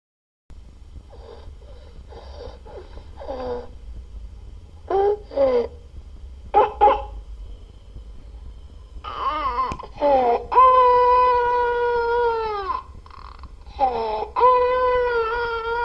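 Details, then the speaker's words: Croup (laryngotracheobronchitis) in an 11-month-old child: short, harsh, barking seal-like coughs followed by high-pitched inspiratory stridor. "Here you might have heard a clear inspiratory stridor and a barking or seal like cough."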